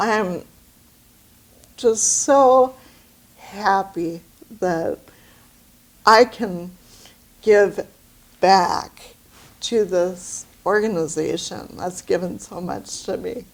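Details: Adult with aphasia after a brain bleed; finding: aphasia.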